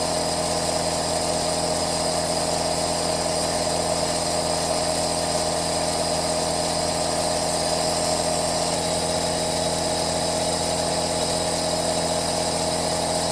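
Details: Aerosol nebulizer running, recorded as relaxing white noise: a steady mechanical hum with a constant hiss, unchanging throughout.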